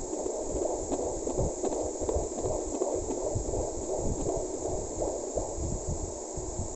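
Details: Fetal heartbeat on Doppler at 6 months of pregnancy in a mother with PCOS, now stronger than before: rapid whooshing, galloping thumps through steady hiss.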